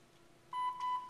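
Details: Short double electronic beep as a new automated external defibrillator (AED) switches on during a training demonstration, after its status screen shows OK; the normal start-up tone before the voice prompts.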